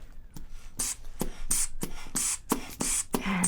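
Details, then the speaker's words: Acted ASMR annual physical exam: rhythmic hissing hand-bulb squeezes, about eight in three seconds, inflating a blood pressure cuff on the left upper arm before release of the valve while listening with a stethoscope. "when I squeeze this it's going to get pretty tight around your upper arm okay it can be a little bit uncomfortable but it shouldn't hurt at all so I'm just going to tighten this up"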